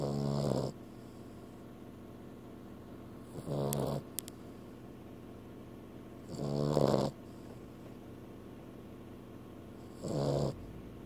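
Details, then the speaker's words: Female dog asleep, snoring: four loud, rattly snores about every three seconds with quiet breathing between; dog snoring. "Busted. Snoring pooch. Yeah, you just snoring pooch, you."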